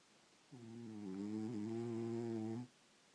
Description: Cat sleeping and snoring. Listen for the first loud snort that starts the snoring.